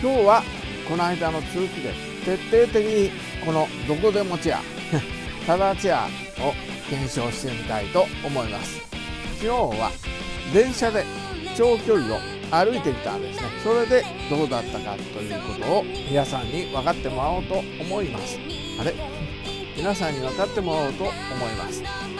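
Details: Aphasia in an adult Japanese man with right-sided hemiplegia, both following a cerebral hemorrhage on 29 April 2020.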